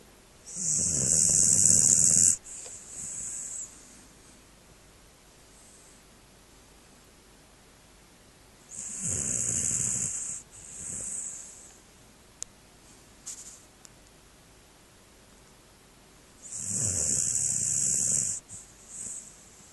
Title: Indigo the snoring dog!